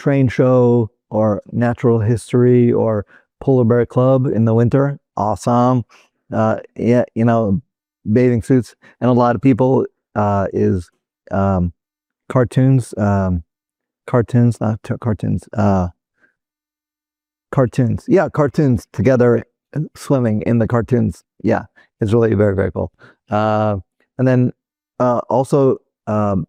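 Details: Adult male former critical care and flight paramedic with Broca's (non-fluent) aphasia caused by a stroke in 2007; finding: Broca's aphasia.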